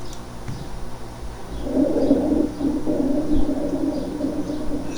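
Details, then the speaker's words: Coarse cavernous (gurgling, large-bubble) crackles, like blowing through a thin straw into water, with a resonant quality; such patients have a history suggesting possible tuberculosis with cavities. "es más o menos ese ruido el ruido que se genera cuando soplamos con una pajilla delgada dentro de un vaso de agua vamos a escuchar estos sectores cavernosos o gorgoteo o de grandes burbujas"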